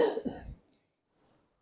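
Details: Patient coughing up phlegm during chest physiotherapy with manual vibration and deep breathing, right lung upper lobe being treated; one short, loose cough followed by a faint breath.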